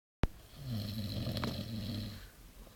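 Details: One long, loud, low, buzzing, rattling snore lasting about two seconds, from a male ("this guy") sleeping: snoring.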